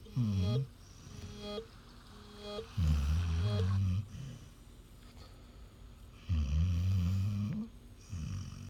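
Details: Loud, low rumbling snores during sleep, each about a second, roughly 17 a minute, with faint background music; snoring from either a dog or a man (husband) in a snoring competition.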